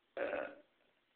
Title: Belch or Burp practice.